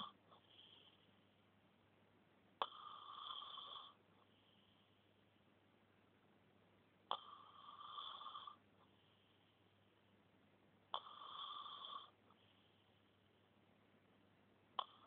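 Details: Three rasping snores, each starting with a snort, about four seconds apart with quiet pauses, roughly 15 breaths a minute; ordinary snoring.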